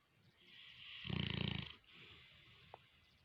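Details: Boerboel (African mastiff) snoring: one loud, rattling snore under a second, with quieter breathing and faint room noise around it.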